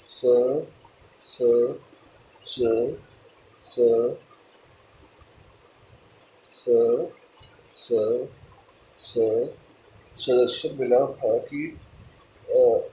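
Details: Adult male speaker; stuttering.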